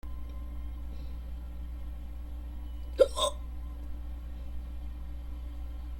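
A single abrupt, short gulping catch in the throat over steady low hum, typical of a hiccup.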